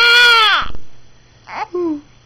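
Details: Infant with ongoing hiccups: a loud wailing cry that falls away, then a brief second whimpering cry.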